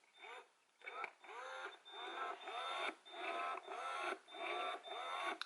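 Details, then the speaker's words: Ameda Purely Yours Ultra electric breast pump on wall power, with speed and suction at maximum: rhythmic suction cycles of about 100 a minute, each with a rising whine and hum; fairly loud. "I do have the speed and the suction turned all the way up so this is what it sounds like so yeah like I said it is pretty loud yeah that's what it sounds like"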